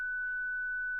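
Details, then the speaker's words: Steady, continuous pure electronic tone with faint speech beneath: a ZOLL Zenix defibrillator's charged-and-ready tone while testing internal paddles, held away from people, in an instructional demonstration. "Attendez la tonalité prêt. Pendant la tonalité prêt, maintenez les poignées internes et les palettes éloignées de toute personne ou objet."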